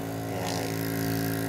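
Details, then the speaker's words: Steady low mechanical hum and buzz of a small compressor motor running continuously as a Partners home nebulizer is plugged in and switched on in a product demonstration; nebulizer compressor running. "Ayan, narinig nyo guys, tumutunog. Ayan po yung power switch."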